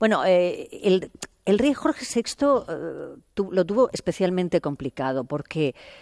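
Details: Adult woman speaking Spanish; normal speech.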